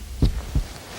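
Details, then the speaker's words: Doctor listens with a stethoscope to a boy's heart at a checkup: one crisp lub-dub heartbeat, clean with no extra noise, judged to sound great; normal heart sounds. "I listened your heart and lungs with it let's listen here your heart sounds great"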